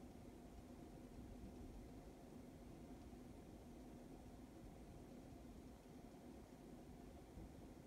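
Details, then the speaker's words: Resonance r36m PT middle ear analyzer running a manual ipsilateral acoustic reflex test on the left ear at 500 Hz, stepping 85 to 100: steady low hum and faint probe noise as the probe pressurizes. "it's ipsy and you can look at it for ipsy and press your start stop button here it'll pressurize"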